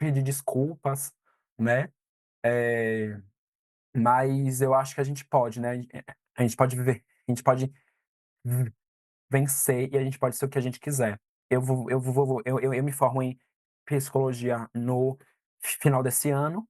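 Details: 22-year-old man who has stuttered since about age 3 or 4, with blocks and repetitions; stuttering.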